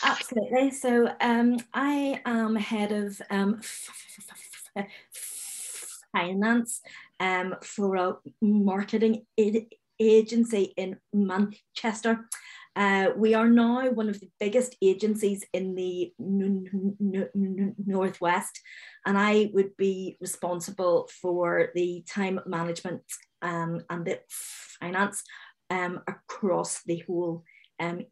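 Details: Real stammering in an adult woman who says she stammers openly and with confidence at work; stammering.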